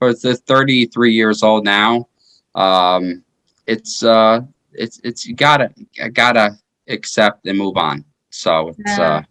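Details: 33-year-old man with aphasia after a stroke in 2019 that followed repeat heart surgery; aphasia.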